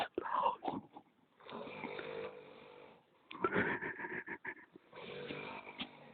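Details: Sleeping: soft, irregular snoring with snuffling, wheezy breath sounds and brief snorts; snoring.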